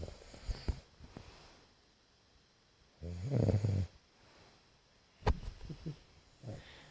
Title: My three teddy and me asleep snoring